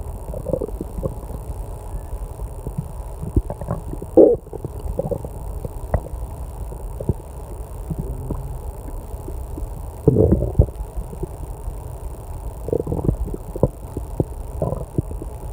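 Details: Loud stomach growling (borborygmi) during online testing: low rumbling, gurgling noises recurring in a quiet room with a loud clock and air-conditioner hum.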